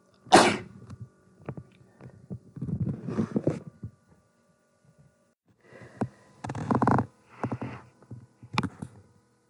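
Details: Repeated sneezing spell in a person unsure whether they are getting sick: one sharp, explosive sneeze, then snorting and sniffling bursts.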